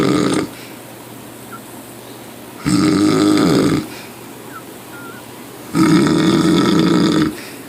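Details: Loud, rough, droning snores about every three seconds, roughly 19 breaths a minute, with quiet gaps between.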